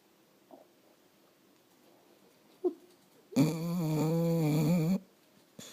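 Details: One loud, buzzing, whistling snore after quiet breathing noises; a noisy snore from the nose and throat during sleep.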